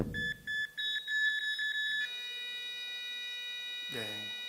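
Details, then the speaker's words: Simulated monitor sound played in a sermon: rapid heartbeat beeping weakens, then a steady continuous tone, the flatline of asystole signaling death; a voice starts at the end. "무슨 소리인가요? 심장 소리가 들리다가 점점 약해지고 결국에는 멈추는 그런 소리입니다. 사람의 죽음을 알리는 소리이지요."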